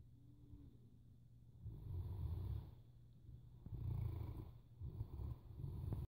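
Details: Sleeping Boerboel dog: deep, rumbling snores in a slow repeating rhythm with quieter gaps between breaths; ordinary snoring.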